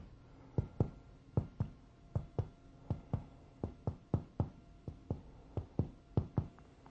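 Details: Male patient, abdomen exposed with arms at his sides: about nine pairs of quick finger taps on the chest and abdomen, percussing downward to map the liver, showing a normal, non-enlarged liver span.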